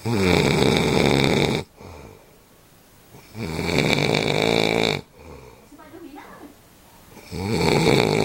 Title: Vai roncar assim la adiante sOOoH